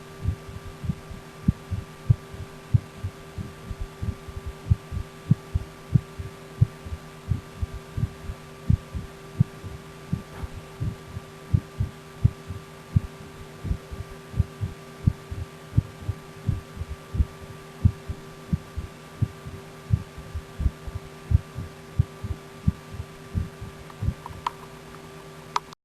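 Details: Steady, regular low heart thumps recorded through a stethoscope on the recorder's own chest, over a constant electrical hum: normal heart sounds.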